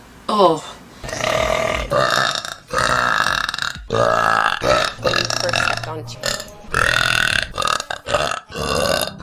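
A run of loud, drawn-out, deliberate burps, one after another with brief pauses. Repeated belching.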